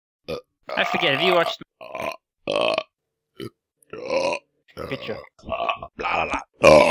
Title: burp file